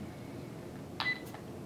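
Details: Short electronic keypad beep in a quiet room confirming an entry while a Sigma Spectrum infusion pump is programmed for IV alteplase, 75 kg patient, rate set at 60.8 mL per hour; infusion pump keypad beep.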